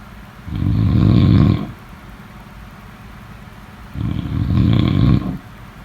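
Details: Sleep snoring: two low, rattling snores on breathing in, each about a second long, with quiet pauses between them in a slow, steady rhythm.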